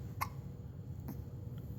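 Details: Baby boy in the morning, playing with a toy car during Thanksgiving week; two short, abrupt hiccups about a second apart over a low background hum; hiccups.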